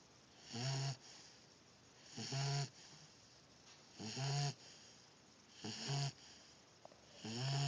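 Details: Snoring: loud rattling snores on each in-breath, about five in eight seconds, with quiet pauses between.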